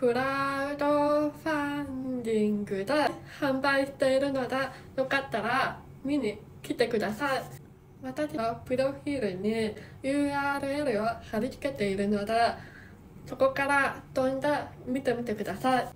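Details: Speech of a hearing-impaired woman who wears hearing aids and normally cannot understand people without watching their mouth movements; hearing loss.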